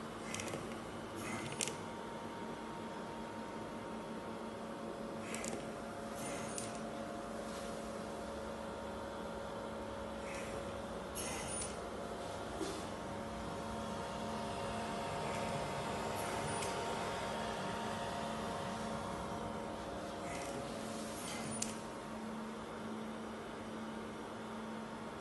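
Steady machine hum with soft valve clicks about every five seconds, a ventilator delivering roughly 12 breaths a minute.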